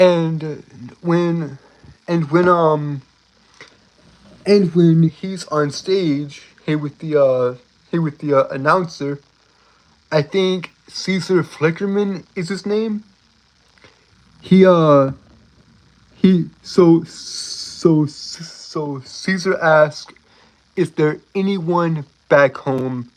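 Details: Adult male with a self-described speech impediment, a stutter; stuttering.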